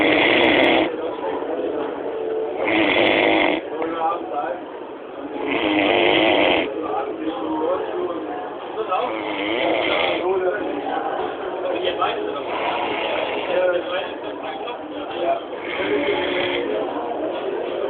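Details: Man snoring during a midday nap at a trade fair; loud, rough, rattling snores recur about every three seconds over constant background noise and chatter; snoring.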